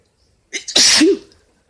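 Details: Male (boyfriend) sneezing, cause questioned as allergies or cold; quick gasping intakes followed by one loud, forceful sneeze ending in a short voiced tail.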